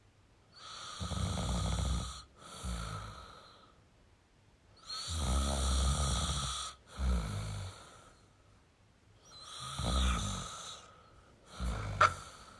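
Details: Male heavy snoring: loud rattling snores with each breath split in two, about three breaths across twelve seconds, roughly 14 a minute.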